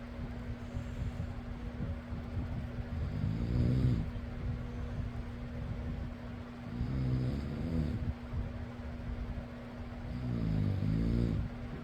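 Three rough, low snores about 3.5 seconds apart, roughly 17 a minute, over a steady fan hum.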